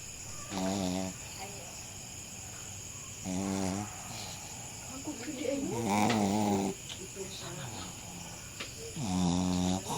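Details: A Shih Tzu dog snoring loudly after a long day: buzzing snores about every three seconds, roughly 20 breaths a minute.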